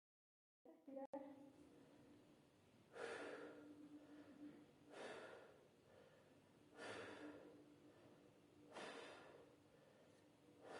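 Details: Patient asked to breathe during posterior chest auscultation with the stethoscope's large bell in respiratory physiotherapy. Deep open-mouth breaths about every two seconds, soft airy rushes without wheeze or crackle: normal vesicular murmur, normal breath sounds.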